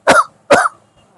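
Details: Two short, forceful coughs from an adult man, acted in a Gujarati comedy skit with laughter around; simulated cough.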